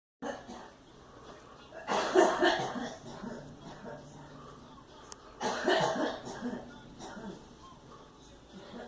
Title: Girl coughing in the background